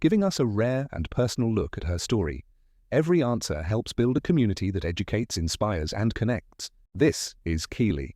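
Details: Adult narrator; normal speech.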